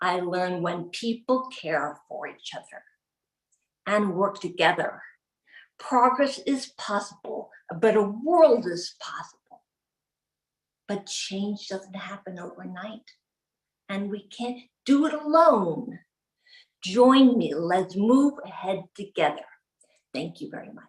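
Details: Adult woman with aphasia after a 2011 gunshot wound to the head, delivering the closing lines of a practised, memorised speech; aphasia.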